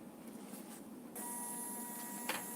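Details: Quiet room hum, then a steady high printer whine with a faint tone and brief click as a 12-channel digital ECG machine prints a normal sinus rhythm recording at 60 bpm; thermal printer printing.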